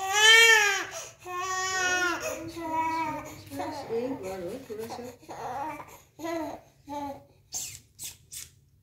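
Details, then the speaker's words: Baby boy crying after his first vaccination: loud, high-pitched infant wails that break into shorter sobbing bursts, a distress cry. "उसको रोते हुए देखना है क्या? इसकी रिकॉर्डिंग कर रहे"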